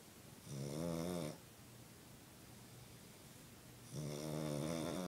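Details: A dog named Charlie snores during sleep: two loud, buzzing, tonal snores about three and a half seconds apart with quiet breathing between; he often snorts.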